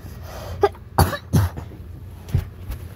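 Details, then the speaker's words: Several short, harsh, low coughs in quick succession from a person who reports having pneumonia, diagnosed after an X-ray; cough. "hey guys I'm not feeling very good I actually have P know uh I actually have P pneumonia right now and no I'm not chasing for cloud I'm actually"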